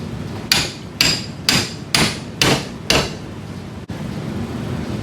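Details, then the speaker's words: Six sharp, evenly spaced mallet blows, about two a second, impacting a radial depth guide into the distal radius of a Sawbones wrist-arthroplasty training model; surgical mallet strikes. "Confirm that the dorsal side is face dorsal and impact into the hole. You'll know you're finished when the aspect of the guide is about 2 mm sub flush."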